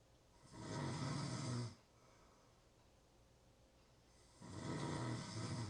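Long, rumbling snores on each breath, with quiet pauses between them.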